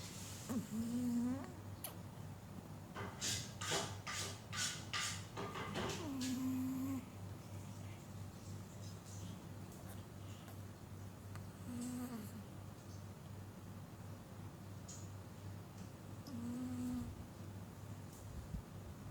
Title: Chihuahua snoring (chihuahua tidur ngorok)